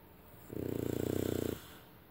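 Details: Sleeping French bulldog puppy snoring beside a sleeping, wheezy adult man: one loud, rattling snore lasting about a second, with a fast buzzing flutter through it, over quiet room noise.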